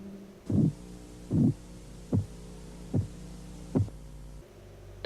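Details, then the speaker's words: Blood pressure measurement, Korotkoff phase 3: five crisp, regular tapping sounds at about 74 a minute, with the murmur of phase 2 gone and the taps becoming louder and higher-pitched. "durante la fase 3 el murmullo desaparece y los golpeteos se hacen más fuertes y de un tono más alto"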